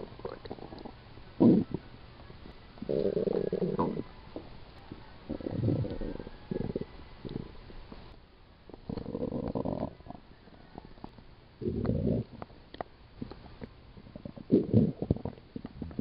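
Several low gurgling, rumbling bursts lasting a second or so, separated by quiet gaps; ordinary stomach growling from gas and fluid moving through the gut.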